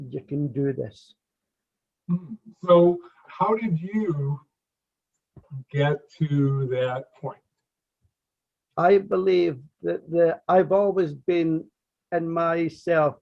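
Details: Stuttering (stammering) in an adult who has stammered since childhood, with audible word and part-word repetitions in conversational speech.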